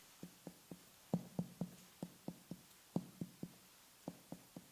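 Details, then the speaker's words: Abdominal percussion gives a series of short tapping thuds, from dull notes like solid organs or fluid to hollow, drum-like tympanic notes over air-filled intestines: abdominal percussion notes, dull and tympanic. "the percussion sound of hollow air filled intestines is more drum like in nature and is therefore known as tympanic or tympanic"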